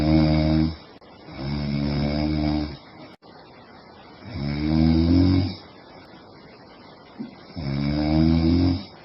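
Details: Loud, rattling snores roughly every three seconds with quieter pauses between, from a sleeping woman.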